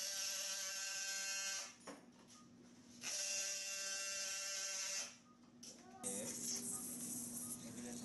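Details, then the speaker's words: High-pitched buzzing whine in two long runs with pauses: an oscillating saw starting the transverse osteotomy beneath the guide wire, lateral hinge intact, in an open-wedge proximal tibial osteotomy. "Finally, using an oscillating saw, the transverse osteotomy is begun beneath and parallel to the guide wire with the lateral hinge intact."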